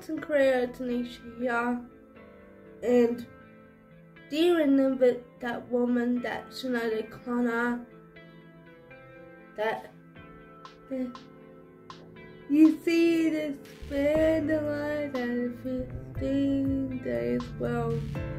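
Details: Woman with cerebral palsy. Dysarthric speech from cerebral palsy.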